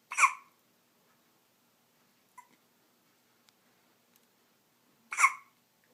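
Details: Day-6 newborn boy with two sharp, abrupt voiced hiccups about five seconds apart, quiet between; ordinary hiccups.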